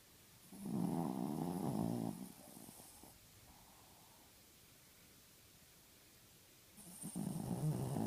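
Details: A Chihuahua, a loud snorer, snores while sleeping with his eyes open: slow, rough, fluttering breaths with quiet pauses between.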